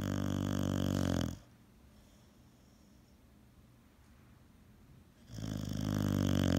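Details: Boxer dog snoring while asleep: loud, coarse, vibrating snores, one at each end, with a quiet pause of about four seconds between.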